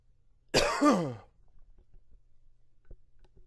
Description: Here's another for you...allergies kicked up.